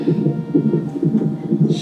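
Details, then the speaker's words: Woman in labor at 41 weeks at hospital, contracting all night, due for induction, later 7 cm dilated, baby girl; fetal monitor with fast, regular whooshing beats about 140 per minute; strong fetal heartbeat. "okay y'all here my baby heartbeat strong"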